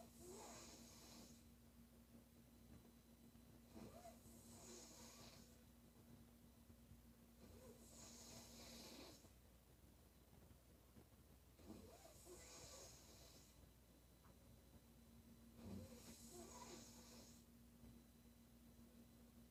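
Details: Female sleeper snoring softly: quiet, hissing, rough breaths repeating about four times in twenty seconds over a steady hum.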